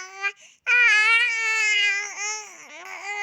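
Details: Crawling baby, tagged as a baby girl: a high-pitched, sustained wail with a clear voice that wavers and dips in pitch; a brief infant cry.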